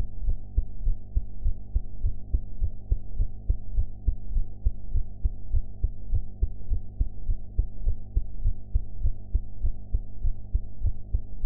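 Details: Own heart sounds recorded after eating, with sound quality improved afterward: steady, regular low thumping heartbeat over a constant low background hum.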